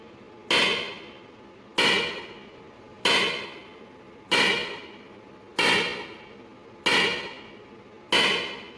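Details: ESWL lithotripsy of a patient's left kidney stone, focused under C-arm, water-filled membrane coupling: loud, sharp, evenly spaced slapping knocks about 47 a minute; shock wave pulses breaking up the stone.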